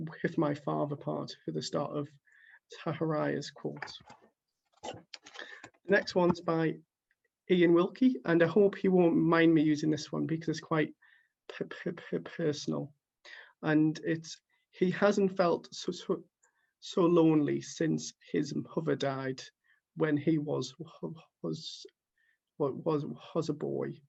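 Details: Stuttering in a man who stammers reading quotes aloud, with repeated whole-word repetitions.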